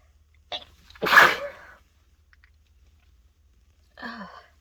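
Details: Adult congested from a cold, after a dose of chhinkni (sneezing powder): a quick inhaled catch, one loud explosive sneeze, then a short sniffling exhale, during a bout of uncontrollable sneezing.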